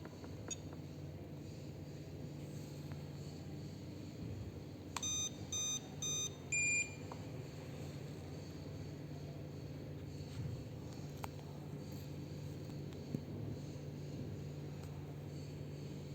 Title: Dental x-ray machine Testing after Repairing and service